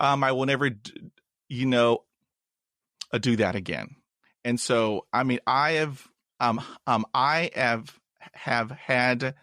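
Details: Adult woman, a doctoral student and language teacher who grew up in China, has stuttered since about age 7 or 8, unsupported; stutters in her Chinese dialect, Mandarin and English; stuttering.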